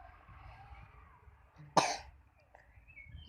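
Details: A single short, sharp cough from a sick child (older sibling) with a cough and flu who is reluctant to take medicine, over quiet room noise.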